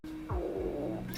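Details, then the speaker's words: A hungry person's low, tonal, sliding gurgle of stomach growling, an ordinary hunger noise from gas and fluid moving through the gut: borborygmi. "oh my God I keep getting grumbly stomach"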